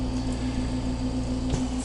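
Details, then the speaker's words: InvaCare Homefill oxygen compressor filling a home oxygen cylinder (filling light on): steady low mechanical hum with a rhythmic pulsing tone, distinct from its waiting-state sound. "As the tank is filling, you'll notice on the Homefill compressor that the light has changed from wait to filling, and you'll also notice a different noise that the compressor is then going to start to"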